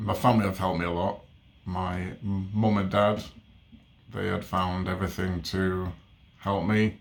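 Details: Adult man with stammer since age three, overt as a child, later covert with word switching, speech therapy from ages 3 to 12; stammering.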